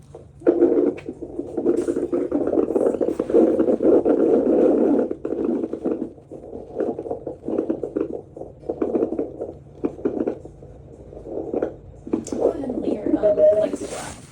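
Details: Rapid whooshing pulses from a Doppler at a prenatal visit, briefly broken by probe scraping: fetal heartbeat, baby reported healthy.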